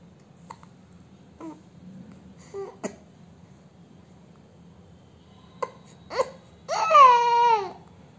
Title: Newborn baby hiccup